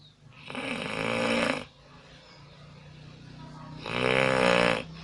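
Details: Snoring from a sleeping person in a small room, recorded on an Alcatel Onetouch Flash Plus phone: two loud, rough, rattling snores with a quieter breathing pause between.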